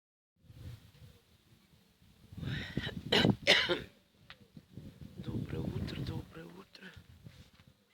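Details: Woman on a cold morning, cough newly appeared, woke at 6 after poor sleep: a few quiet words, then two short harsh cough bursts and more low talk; a mild cough.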